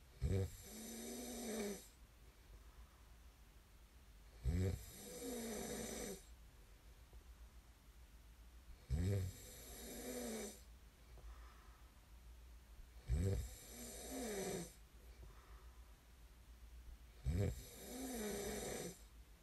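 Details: Snoring ASMR recording: loud, rattling snores on each breath in, about 14 a minute, with quiet breathing out between them; ordinary sleep snoring.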